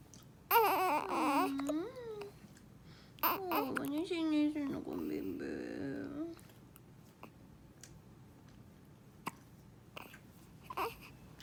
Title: Baby's Hiccup｜新生児のしゃっくり (かわいい💕)